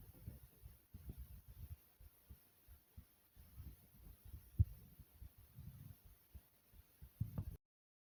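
Soft, regular low thumps in paired beats, roughly 70 a minute, with a faint hum; a steady, ordinary heartbeat.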